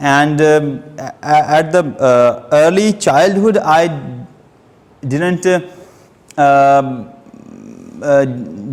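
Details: Stuttering (stammering) in an adult man who has stammered since age two.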